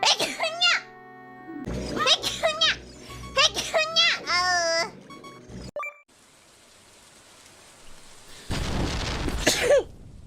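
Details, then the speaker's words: Sneezing from a streamer compilation: playful high voices and background music, a speaker announcing they are going to sneeze, then a hissing burst ending in a voiced sneeze. "Bless me. Bless me. I'm going to sneeze. I'm going to sneeze. Oh my god."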